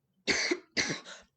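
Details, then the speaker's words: Adult woman with a tickle in her throat, attributing it to seasonal pollen allergies, not the virus: two short, rough, throaty coughs. "oops, I've got a tickle in my throat. I promise it's not the virus. I have a first of all an ugly cough."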